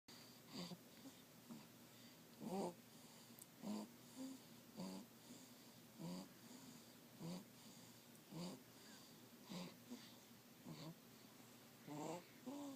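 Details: Snoring from a 3-week-old puppy: soft, regular snoring bursts at about 52 per minute in a quiet room.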